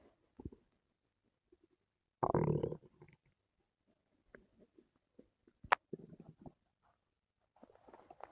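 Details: Stomach noises from a person whose stomach hurt the previous night: scattered gurgles and squeaks with a louder rumbling growl; active bowel sounds (borborygmi).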